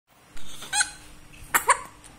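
An infant gives several short, light coughs in two small pairs, with quiet breathing between them; a simple infant cough.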